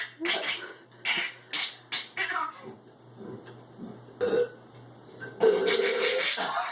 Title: Baby laughs at dad burping